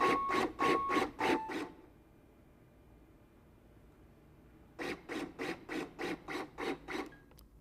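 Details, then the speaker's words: LUCAS mechanical chest compression device in active 30:2 mode, demonstration: rapid rhythmic thumps at about 100 a minute, 30 compressions then a 3-second pause for 2 ventilations, then resuming. "Active 30 to 2 does 30 compressions, then pauses 3 seconds so you can give 2 ventilations."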